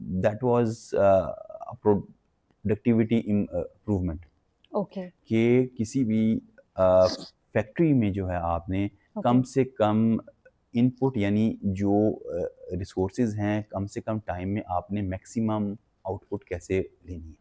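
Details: Adult male who has stammered since childhood; learned in college it was stammering; stuttering.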